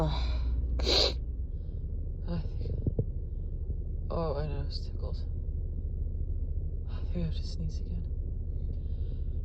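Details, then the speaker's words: Woman with a morning cold sneezing: a sharp burst of breath, then gasping build-ups, sighs and false starts from a deep nasal tickle, in a quiet room. "The tickle is so deep in my nose. It's teasing me. Excuse me. I keep having these horrible false starts."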